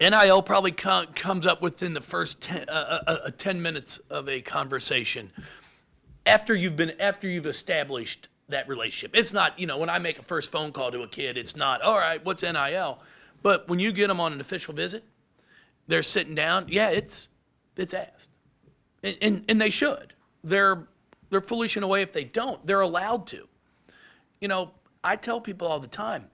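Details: Adult man with lifelong stuttering, speech therapy from first to eighth grade, now much improved; anticipates stutters and substitutes words; stuttering.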